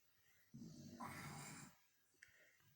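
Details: A girl making fun of her mom's snoring: one loud, rough, rattling breath lasting about a second, then quiet room noise. A single snore.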